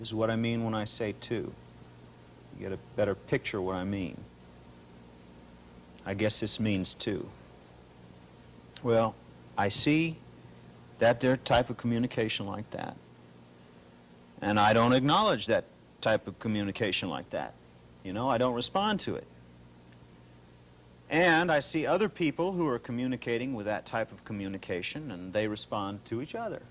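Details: Adult patient with paranoid schizophrenia in a 1983 psychiatric interview, describing delusional beliefs. Disorganized speech in schizophrenia.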